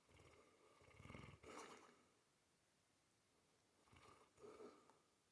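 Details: Female Mastiff dog snoring while asleep: two quiet, rough snoring breaths, each with a snorting rattle, separated by a pause.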